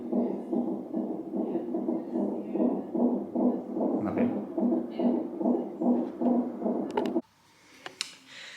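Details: Rapid, regular whooshing fetal heartbeat at about 146 beats a minute on a hospital Doppler monitor, ending abruptly, baby 15 days overdue.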